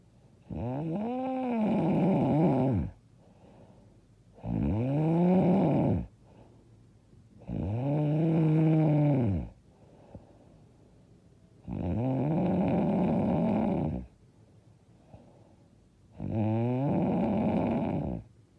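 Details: Five loud, long, rumbling snores on the in-breath, about 17 a minute, with quiet gaps between; heavy, loud snoring during sleep.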